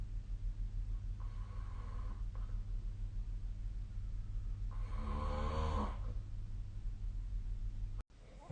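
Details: Low rumbling snoring over a steady background hum, with a louder rattling snore midway, recorded during sleep with the SnoreLab snoring app.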